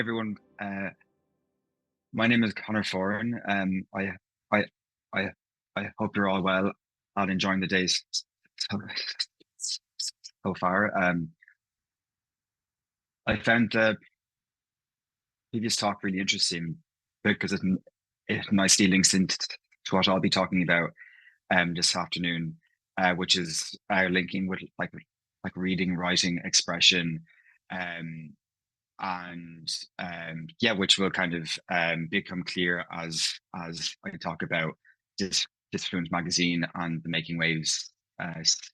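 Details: Adult man from Ireland, living in London, who stammers, with part-word and whole-word repetitions heard in his speech; stuttering.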